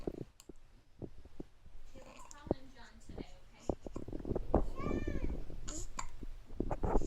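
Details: Baby with hiccups: repeated short, jerky hiccup sounds at an uneven pace while an adult talks softly nearby.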